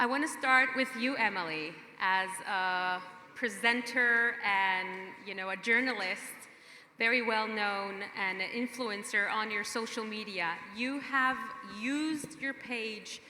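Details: Adult woman speaking; typical voice.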